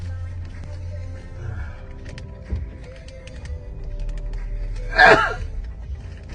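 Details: A single loud, abrupt sneeze partway through, heard over music and room noise.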